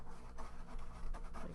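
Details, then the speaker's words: An adult's own stomach rumbling, noticed unexpectedly while painting: quiet, low gurgling rumbles in irregular bursts over a faint room hum, ordinary borborygmi. "What did you hear that? My stomach just rumbled. That's embarrassing."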